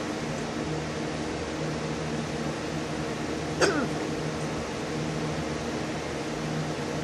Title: has hiccups again